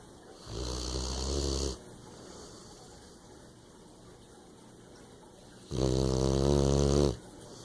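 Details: Female snoring while asleep: two long, low, rattling inspiratory snores separated by a quiet pause: ordinary snoring.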